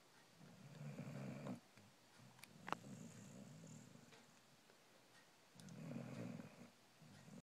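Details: Sleeping female puppy snores with low rumbling breaths, about two clear cycles heard, recorded in the dark; snoring.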